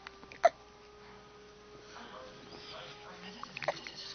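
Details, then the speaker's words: Baby boy whose father gave him hiccups keeps trying to laugh through them: two sharp, brief catching bursts about three seconds apart in a quiet room, hiccups. "there he's trying to laugh and he can't cuz he's got hiccup"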